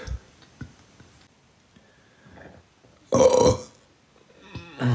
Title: Hot Men Burps in Live TikTok